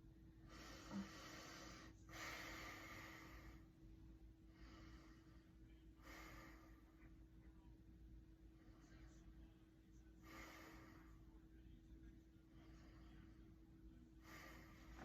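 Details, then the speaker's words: Normal lung breath sounds on stethoscope auscultation during a physical exam assessment; patient takes a deep breath each time the stethoscope moves, about six deep breathy inhalations and exhalations over fifteen seconds. "now I'm going to take a listen to your lungs and your heart and then we'll move on to lying on the bed for a short part of our exam now as I go through listening to your lung sounds I'd like you to just take a breath every time I move my stethoscope okay"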